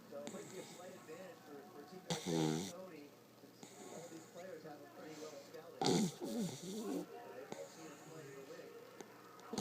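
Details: Sleeping puggle dog snoring: whistling, wheezy snores with two louder snorting breaths standing out.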